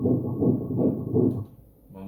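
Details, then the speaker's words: Fetal heartbeat on Doppler ultrasound in a 7-week twin pregnancy, rapid regular whooshing pulses near 155 a minute from one of two embryos; normal early fetal heartbeat. "even got emotional here It's really emotional Two kids, with their hearts beating Beautiful thing right Beautiful thing"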